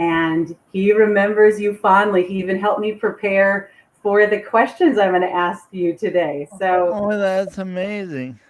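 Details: Adult woman speaking; unaffected speaker.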